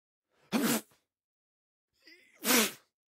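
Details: Adult male sneeze, sound effect.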